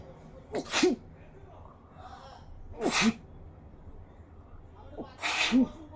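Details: Three sharp sneezes about two seconds apart, each preceded by a short catch of breath, during a nose-picking sneezing challenge, over low background noise.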